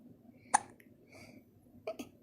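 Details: Three short, sharp catching sounds, abrupt breath intakes closed off at the throat, from a two-month-old against a quiet background; hiccups.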